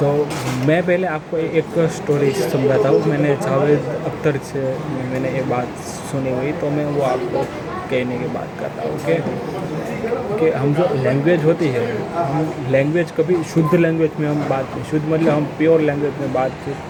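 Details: Adult man who stammers, on day 68 of daily practice, telling a story in Hindi in a hospital with background noise; stuttering (stammering).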